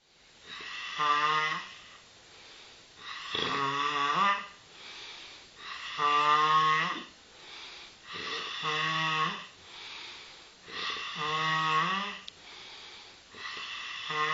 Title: How does she stop snoring